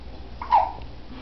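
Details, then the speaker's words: Little boy hiccuping repeatedly: a single short, sharp voiced gulp over quiet room noise; hiccup. "I'm zooming in on little who is just hiccuping away he's just so sweet"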